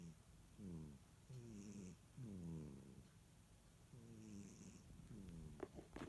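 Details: Little Kat napping and snoring: soft, low, buzzing, purr-like snore with each breath, repeating about every two seconds in a quiet room.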